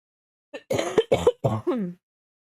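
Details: Real, unscripted smoker's cough in an adult woman who smokes and has allergies, coughing while gaming: a quick run of about four deep, harsh, voiced coughs ending in a drawn-out groan.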